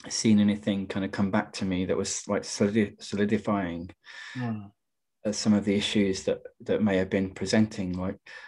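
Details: Adult poet who stammers, speaking in a webinar on stammering and creativity; stammering.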